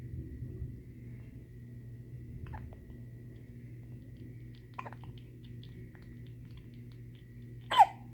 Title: Sweet little hiccups